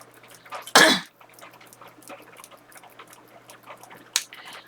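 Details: Middle-aged woman, several days into a persistent dry cough that makes her hurt and is now improving, gives a single sharp dry cough and then a fainter throat sound in a quiet small room; dry cough.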